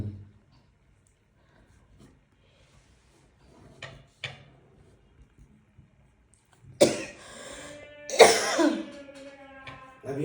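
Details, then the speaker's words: Woman with a long-standing cough during a case-taking interview; the cough is very strong, brings tears, was once phlegmy and is now dry, and she cannot stop it: three forceful harsh coughs in quick bursts in a quiet room; chronic cough. "बस रुकेगी नहीं खाली जबरदस्ती ये चले ही जाएगी रुक गई ना ज कर रखा है इसलिए जबरदस्ती रोक रही है फोर्सफुल खांसी आती है"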